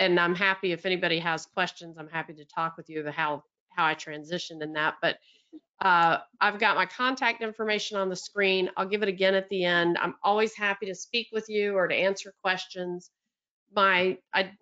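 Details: Adult woman speaking; normal speech.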